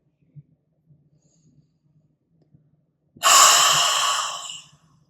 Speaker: gonna do a breath in through my nose first brief pause and then I'm going to do the forceful breath out I'm gonna do it again